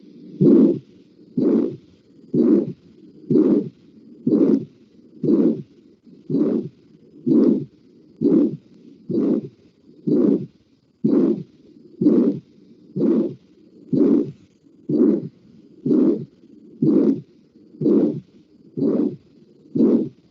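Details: Aortic stenosis systolic murmur.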